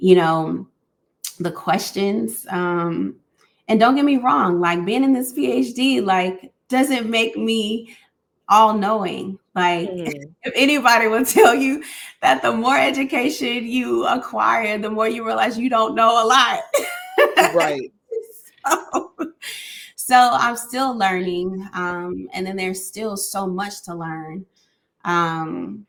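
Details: Adult woman speaking, brief interjection by another voice; conversational speech.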